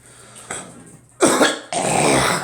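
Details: Two loud, harsh, wet-sounding coughs after a faint throat noise, from a person describing a cold with stuffiness and coughing; congested cough with cold or flu.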